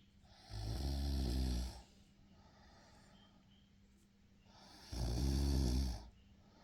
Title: snoring boy😁😁😁